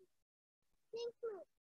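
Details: Flaccid dysarthria in a child during a clinical examination; nasal voice quality and impaired articulation, with good comprehension and fluency; not aphasia or dysphonia.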